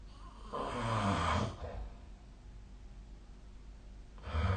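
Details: Nightly snore recording made with a snoring app on 2025/04/22: a rough, low, fluttering snore lasting about a second, then quiet, with the next snore about 3.5 seconds later; snoring.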